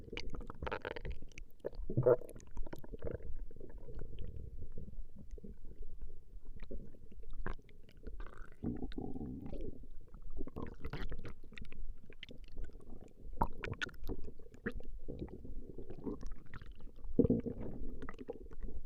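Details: Recording of a woman's stomach growling: continuous low rumbling and gurgling with scattered squelching bursts; ordinary borborygmi.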